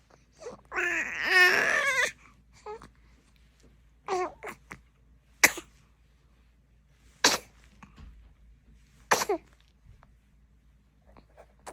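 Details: Newborn sneezing: a brief fussy cry, then three short, sharp sneezes spaced a couple of seconds apart.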